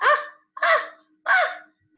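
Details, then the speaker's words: Sneezing in spring, pollen season: three quick voiced bursts in a row, each sharp at the start and fading fast. "that's the sound of someone sneezing in spring many people get runny"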